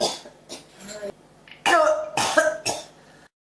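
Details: Persistent cough that won't stop: about five harsh coughs in quick succession, some with a voiced, throat-clearing quality.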